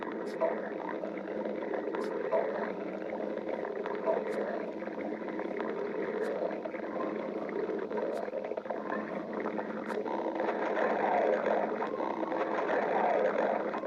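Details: Stomach growling (borborygmi): continuous low gurgling and rumbling from an adult abdomen.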